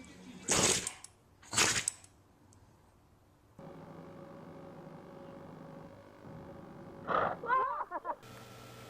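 Two sharp explosive bursts in quick succession, then quiet room noise and a third burst; animal sneezes.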